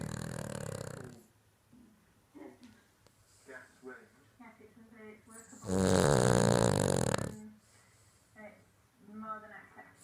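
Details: Cavalier dog snoring in its sleep: snuffling, snorting breaths with one long, loud rattling snore in the middle.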